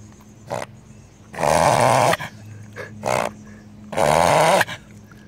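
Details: Beagle reverse sneezing, which the owner calls harmless: repeated loud, prolonged snorting honks on drawn-in breaths, with short snorts in between.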